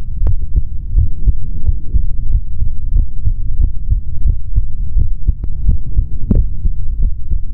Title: ASMR MALE SOUNDS INSIDE BODY | Stethoscope | HeartBeat | No Talking |